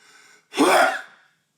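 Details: A brief inward breath, then one loud, explosive sneeze from a tickly, irritated nose; labelled "(M)".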